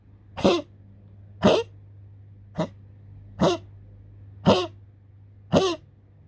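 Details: Poodle with a persistent, repetitive dry cough: six harsh, short, forceful coughs about one a second over low room hum; continued coughing said to risk suffocation and unconsciousness.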